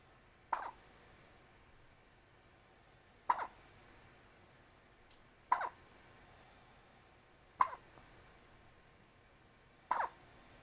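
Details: Newborn baby with five brief, soft hiccups at steady spacing, about 14 a minute, over faint room noise; hiccups.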